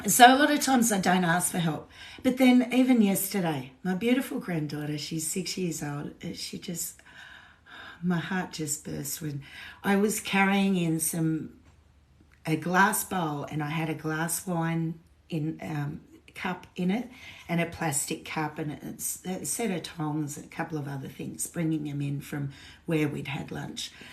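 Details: Woman with lifelong essential tremor since birth, diagnosed at 27, with head and hand tremor too; voice tremor shakier than normal today after two days of drinking alcohol; essential voice tremor.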